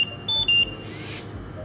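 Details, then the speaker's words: Two short high-pitched electronic beeps over faint room noise from a home ventilator; an alarm that keeps sounding after all causes have been checked suggests machine failure; ventilator alarm. "Anda harus mengesyaki kegagalan mesin sekiranya anda perhatikan tanda-tanda berikut. Bunyi penggera yang berterusan walaupun setelah mencari semua sumber penyebab bunyi."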